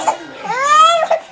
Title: crying baby